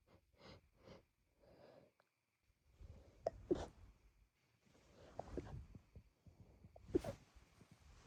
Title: failed stifles lead to let out sneezes